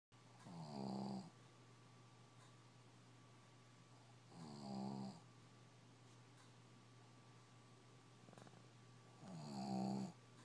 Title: Snoring pug